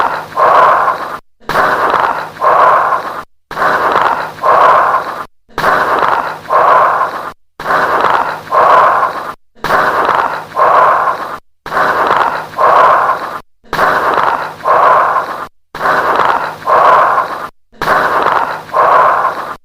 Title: BRONCHIAL BREATH SOUNDS AND LATE-INSPIRATORY CRACKLES| BREATH SOUNDS | AUSCULTATION